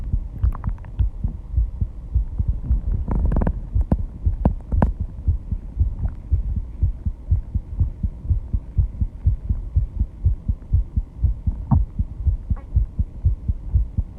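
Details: Own heartbeat after intense exercise with heavy breathing: fast, steady heartbeat at 134 bpm, audible without a microphone at the start; rapid heartbeat after exercise.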